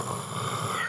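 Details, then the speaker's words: Imitated snoring, demonstrating how over-breathing with too much air flowing in makes the sound: a brief, rough, rattling voluntary snort through the open mouth. "And so you make that snoring sound."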